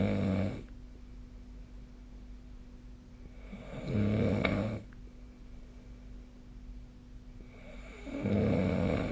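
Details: Ordinary sleep snoring recorded on 2025/05/16 with the SnoreLab snoring app: low, rumbling snores on each breath in, about 14 breaths a minute, with quiet room noise between them.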